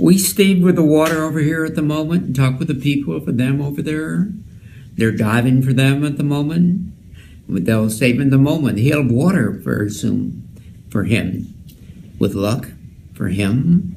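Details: Wernicke's (receptive, fluent) aphasia, caused by damage to Wernicke's area, most often from stroke; fluent but nonsensical speech including made-up words; presented as an archetypal example.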